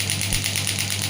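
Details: Pneumatic shockwave therapy unit for physiotherapy firing in a demonstration: fast, steady mechanical pulsing at about nine pulses per second over a low motor hum.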